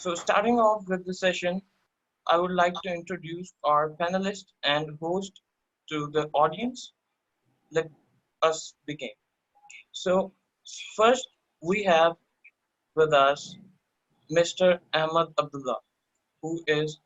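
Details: Adult male speaker; ordinary speech.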